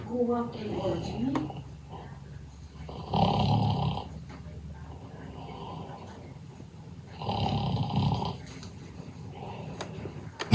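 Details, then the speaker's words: Cartoon snore replayed in a reaction video, with Hank's snore replaced by Number Block 79's rough snore: two long, rough, low rattling inhaled snores with quieter exhaled breaths between them. "today I'm going to do a reaction on Hank snore gets replaced with number BL 79 snore but it sounds a bit rough"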